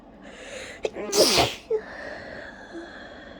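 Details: Sneezing fit after a strong tickle: one quick intake of breath, then a loud, explosive, messy sneeze and a short afterburst; single forceful sneeze within a bout of repeated sneezing.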